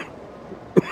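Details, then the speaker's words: One short, sharp cough amid low outdoor street noise, from a man on a new antibiotic for a chest infection, walking a shopping street; cough. "But yeah, I'm on a new antibiotic to try and clear up everything coming in my chest. As you can hear me coughing."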